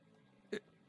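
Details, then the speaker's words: One short, sharp hiccup against a quiet room background from a man who says he has severe asthma and allergies and is constantly congested; hiccup. "You have to bear with me. I just got the hiccups."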